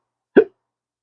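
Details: Man with chronic hiccups, costing his surgical tech and acting careers; a single short sharp voiced 'hic'.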